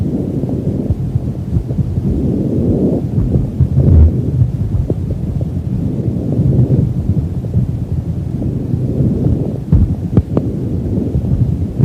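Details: Horse lung auscultation: low, soft rushing breath sounds through a stethoscope on the chest, with contact rustles; normal equine lung sounds.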